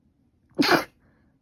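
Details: Person with a cold and allergic rhinitis, runny and stuffy nose and fever for five days: a single sharp, explosive sneeze in a quiet room.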